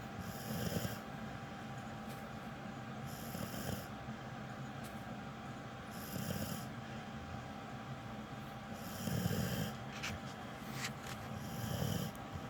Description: He is a loud snorer.......lol